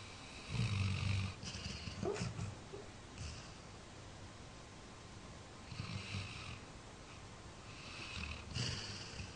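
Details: 13-year-old Labrador sleeping and dreaming: low rattling snores on each breath, in clusters about four breaths a minute apart.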